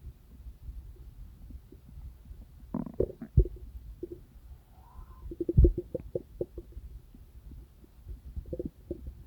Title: Stomach Rumbling sounds | real digestive noise & satisfying